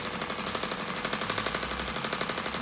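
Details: Radial shockwave therapy self-applied by a perimenopausal woman to myofascial soft tissue of her shoulder, injured by a childhood dislocation at about age 11, week 1; rapid steady clicking about 12 pulses a second; radial shockwave device firing.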